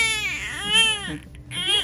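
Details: Strong, normal cry from a newborn girl in hospital: high-pitched and wavering with a brief pause for breath, while being cleaned with cotton balls during her bath.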